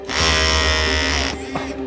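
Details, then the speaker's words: Surgical bone saw during total hip replacement in a 42-year-old man with congenital hip dysplasia: loud rough buzzing cutting bone, then slowing and stalling as the blade sticks in extremely hard bone. "Da bleibt das Sägeblatt stecken, so hart ist der Knochen. Das Sägeblatt steckt ..."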